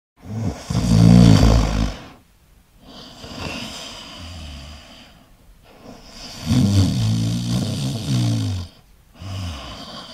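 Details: Stock sound-effect recording of loud, rattling snores on each inhaled breath, with quieter breathy exhales, roughly ten breaths a minute: snoring.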